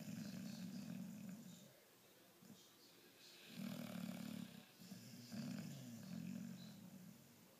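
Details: Snoring: low, buzzing snores on repeated breaths, some drawn out and fluttering, with quiet pauses between them.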